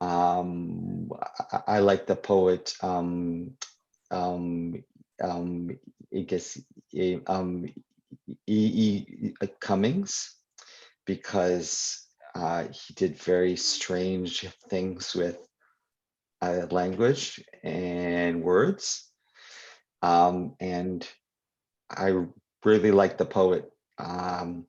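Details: Adult who stutters, speaking live at a convention for people who stutter; stuttering.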